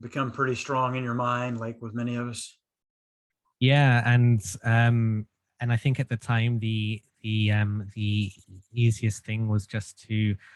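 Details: Stuttering in an adult male since childhood, treated with group speech therapy; stuttering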